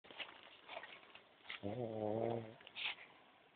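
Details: Man snoring while asleep on a camping fishing trip: quiet breathing, then a single long, buzzy, low-pitched, fart-like snore lasting about a second; snoring.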